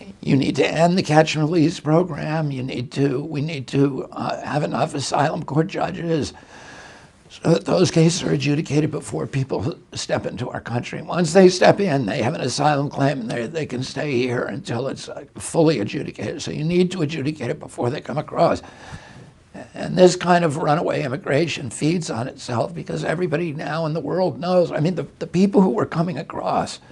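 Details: Adult male with spasmodic dysphonia, onset in 1996 at age 42 after a neurological injury; he attributes it to his brain sending wrong signals to his vocal cords, and says his voice was very strong before onset.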